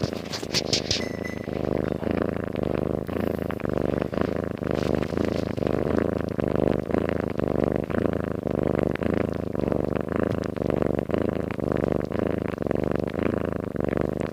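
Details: Sleeping cat: continuous rhythmic rattling breaths, roughly two per second, a steady purring snore; snoring.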